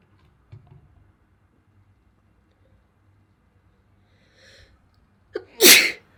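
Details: A quiet lead-in breath, then one sharp, loud, hissing burst: a single sneeze.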